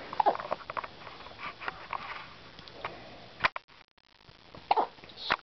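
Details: Girl with her usual hiccups after getting upset, with milk coming out: faint rustling and sniffs, then a few short, abrupt hiccup catches spaced seconds apart.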